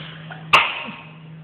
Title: record of sneezing 2